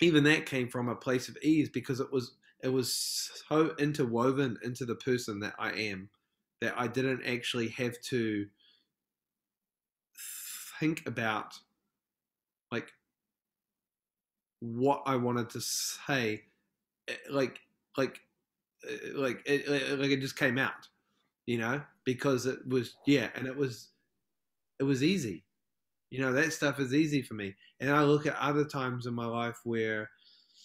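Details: Adult male film director from New Zealand, a self-described proud person who stutters, heard in podcast interview speech: stuttering.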